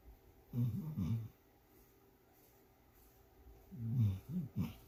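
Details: Sleeping dog snoring: two bouts of low, fluttering, rumbling snores separated by a quiet pause.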